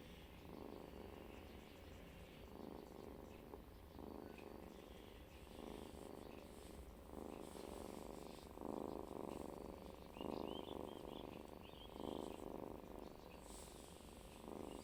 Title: Original Sound of cat Snoring